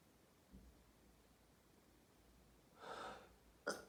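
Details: Paroxysmal sneezing after showering, a daily fit: over a steady hiss, a rising in-breath then one sharp sneeze, part of a run of repeated sneezes.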